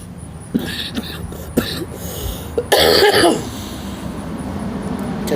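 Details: Person who just woke with a headache, coughing while smoking a morning cigarette; a few short throat-clearing sounds lead into a harsher cough burst, with steady road noise in the background.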